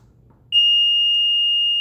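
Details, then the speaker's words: Apnea monitor improper-shutoff alarm: a steady, high-pitched continuous tone that starts and holds, warning that the infant apnea monitor was switched off incorrectly rather than with the blue-button sequence. "el propósito de todo esto es para que si tienes otro niño en la casa es no puede venir y apagar el monitor sin que uno sepa"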